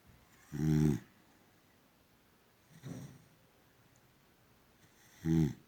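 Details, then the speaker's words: Low, rumbling snores on the in-breath, three in under six seconds, from a sleeping female boxer dog in a quiet room; snoring. "Peacefully sleeping. Immediately open the eyes. Are you snoring and sleeping, gorgeous? Sleep, good girl."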